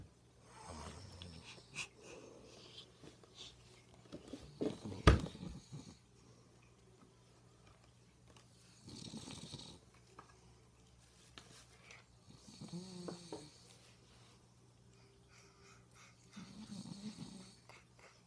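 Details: Father snoring during sleep: irregular low rumbling snores recurring every few seconds, with a steady hum in the background.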